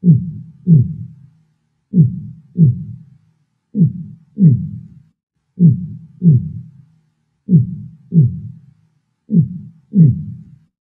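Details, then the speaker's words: Audio sample of normal heart sounds: regular paired low lub-dub thumps, about 32 cycles a minute, S1 from mitral and tricuspid closure and S2 from aortic and pulmonic closure. "this is s1 and this is s2 the area between s1 and s2 is systole"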